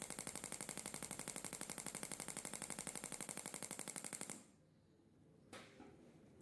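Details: Shockmaster 300 Gymna extracorporeal shockwave therapy for grade 2 cellulite, 1.6 bar, 10-12 Hz, 20mm head, gel, 200-shock intervals: sharp, even rapid-fire clacks, about four a second for four seconds, then silence and a single knock.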